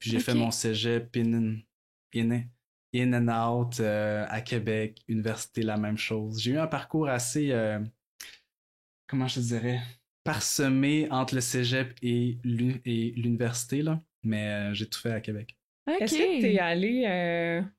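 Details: Adult woman who stutters, a master's candidate in speech-language pathology; word repetitions heard; stuttering.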